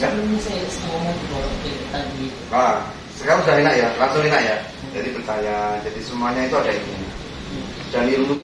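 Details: Adult male speaker; ordinary speech.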